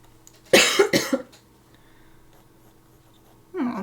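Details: Adult still recovering from COVID-19, coughing during a live art stream: a brief burst of three quick coughs, then speech resumes.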